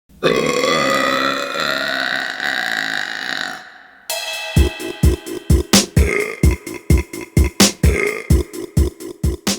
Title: Burping Compilation January 2023 #3 |